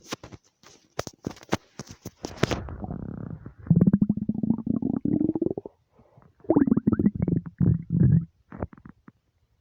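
Long gurgling, creaking rumbles with bubbling pops from an empty stomach; ordinary bowel and stomach sounds.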